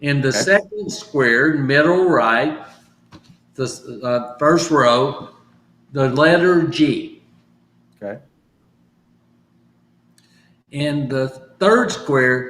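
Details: Adult stroke survivor recovering from aphasia, practising phrases from sticky notes as part of home therapy; aphasia.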